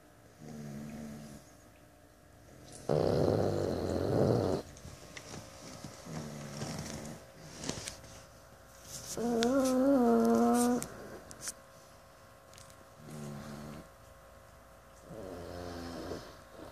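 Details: Pug in deep sleep snoring loudly, said to sound just like a human: rhythmic low snores alternating with snorting, whistling breaths, about ten cycles a minute.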